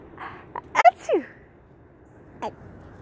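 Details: A 15-month-old toddler girl on a porch swing playing a sneeze game, real or pretend is uncertain: quick gasping intake, sharp sneeze burst, small trailing sound; sneezing.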